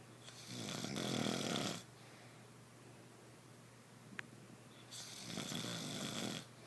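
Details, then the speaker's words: Adult snoring while asleep as partner complains: two loud, rough snores on the in-breath, separated by a few seconds of quiet room noise; ordinary loud snoring. "Why you snore so loud? I was snoring."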